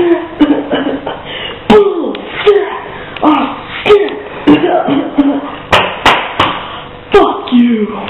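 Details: Child with Tourette syndrome, coughing far more than usual: rapid, repeated short voiced coughs, about a dozen in eight seconds; repetitive coughing tic.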